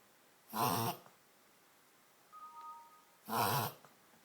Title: Reverse Sneeze 2